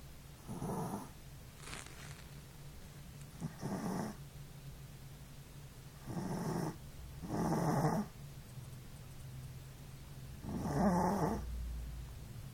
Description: My Chi, named Cihuy (means Yeeha), male energetic and far too cute puppy snoring while asleep.